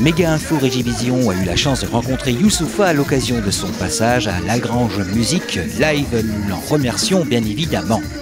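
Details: Adult male speaker; normal speech.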